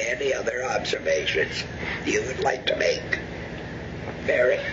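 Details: Laryngectomee speaking after surgical removal of the larynx; alaryngeal method not stated (esophageal, pneumatic, electrolarynx or TEP); the finding is alaryngeal speech after laryngectomy.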